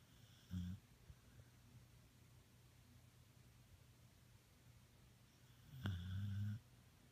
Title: My dog Ace sleep on couch snoring